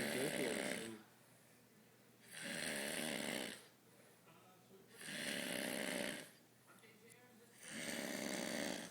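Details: Loud, deep, rattling snores about 24 a minute, each breath about a second long with short quiet gaps, from a drunk adult passed out on a couch.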